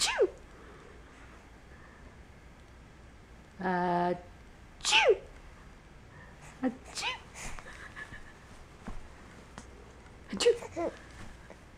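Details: A few sharp sneezes amid light laughter from a child who finds sneezes funny, with the child's vocal sounds in a small room.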